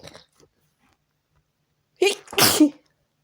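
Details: Sneezing fit while trying to relax: a soft snort, then a sharp double sneeze with a quick intake followed by a forceful burst of air.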